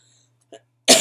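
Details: Adult with acute bronchitis and asthma complications, on prednisone steroids; coughing from bronchitis.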